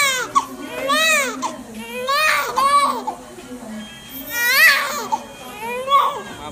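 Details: Newborn baby girl crying while receiving a BCG injection in hospital after an epidural delivery: repeated rising and falling high-pitched wails with faint background voices.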